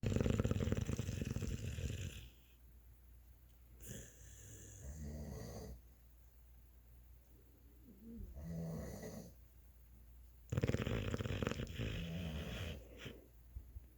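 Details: Two sleeping Beabull dogs in a snore-off: heavy, rumbling snores alternating with softer snorting breaths over several cycles; snoring.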